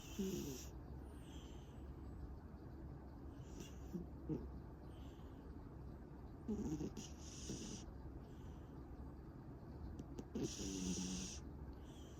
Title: 고양이 코골이 | Snoring Cat